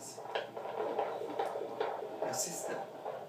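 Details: Fetal heartbeat at 37 weeks of pregnancy: rapid rhythmic whooshing pulses at about 145 per minute.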